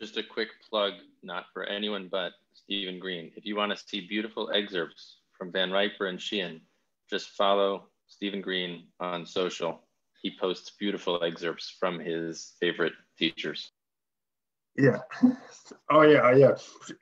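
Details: Adult male speaker; normal speech.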